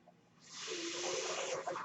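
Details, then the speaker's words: Airy hiss with a faint low whistle rising and sustaining after a quiet pause: the speaker's own mechanical ventilator delivering a breath as he speaks. "hello everyone my name is that noise you're hearing is my ventilator"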